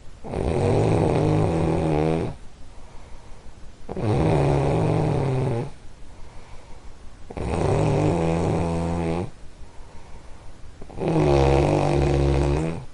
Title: Soothing??? Snoring sleep sounds!